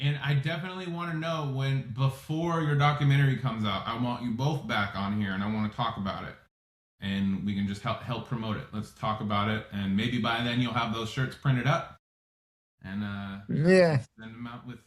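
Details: Adult man; typical speech.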